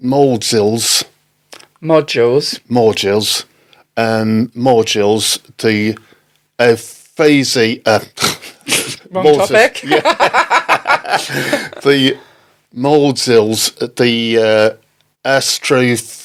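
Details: Adult man left with aphasia after a stroke in October 2019, struggling to name items: aphasia with word-finding difficulty.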